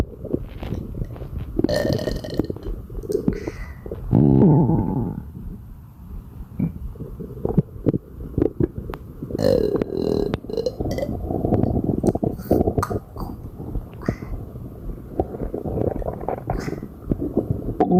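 Repeated low, gurgling belches and throaty air releases, one after another: frequent belching from bloating.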